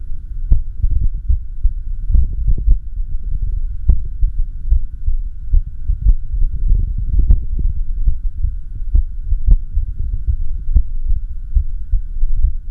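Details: Echocardiography recording of the uploader's own heart during arrhythmia: whooshing, throbbing heart flow sounds from the ultrasound machine, with beats arriving at uneven intervals, an irregular heartbeat.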